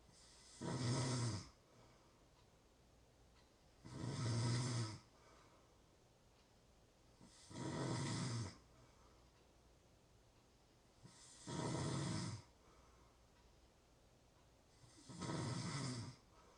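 Regular rumbling snores on each breath, about 17 a minute, with quiet pauses between them in a still room.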